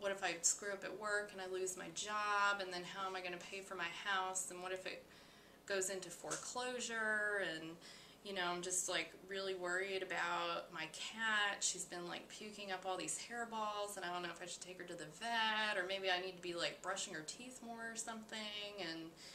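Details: Acted mental status exam example, woman client; multiple seamless list-like thoughts with a pressured quality, linked to anxiety and manic states; racing thoughts.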